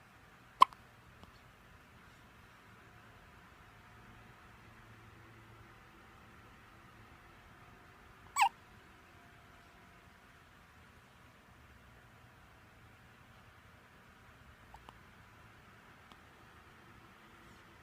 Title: Newborn having hiccups